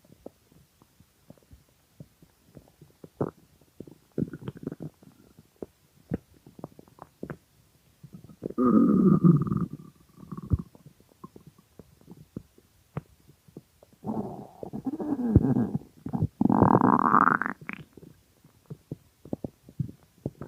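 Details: Extremely hungry stomach growling recorded as ASMR: loud gurgling, rumbling growls with scattered clicks, hunger borborygmi.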